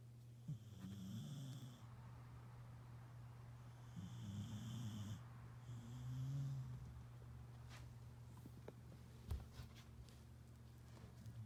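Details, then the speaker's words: A sleeping pet dog snoring in the room: three rumbling, buzzy bursts over a steady low hum of room noise. "sleeping is one of the things sandy does a lot of there you'll hear some sandy snoring"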